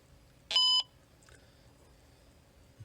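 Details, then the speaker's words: One short, clear high-pitched electronic beep in a quiet room as a wireless bedwetting alarm transceiver in synchronizing mode pairs with its remote; a second beep and green light confirm synchronization. "get a beep a second beep and it turns green the product is now synchronized"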